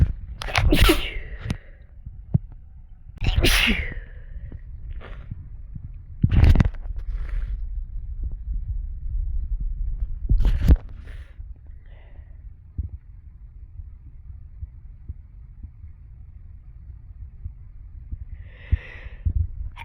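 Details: About four loud, explosive sneezes with sniffing between them over low rumbling room noise, from a sneeze compilation recorded mostly while sick with a cold; some sneezes induced.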